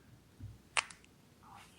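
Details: Chinese chiropractic spinal manipulation after deep breath, patient with thoracic vertebrae bent slightly right, linked to prolonged mouse use: sharp brief crack with faint second click, joint cavitation, quiet room.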